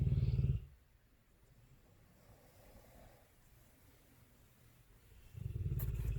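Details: Dogue de Bordeaux snoring: two loud, low rattling breath sounds separated by a quiet pause.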